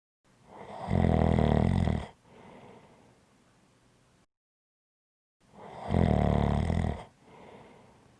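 Two loud, rattling, vibrating breaths in, each followed by a softer breath out, about every 4.5 seconds: heavy snoring.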